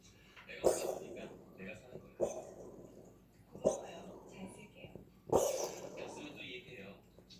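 Four sharp, hacking expulsive bursts spaced a second or two apart, with soft noise between them; a cat coughing.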